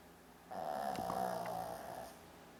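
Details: Shih Tzu dog snoring; a single drawn-out, buzzing, oddly human-like snore.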